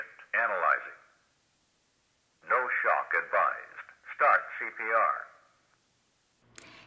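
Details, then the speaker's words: ZOLL AED Plus voice prompts "don't touch patient, analyzing", then no shock advised and start CPR, on a simulator set to a non-shockable rhythm with pads on the bare chest; simulated training demo. "when I plug it in the 8D plus recognizes the presence of a heart rhythm and begins analyzing it don't touch patient analyzing don't touch patient"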